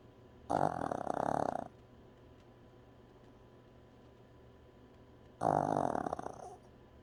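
Two long, rough, rattling breath noises about five seconds apart, separated by quiet; snoring.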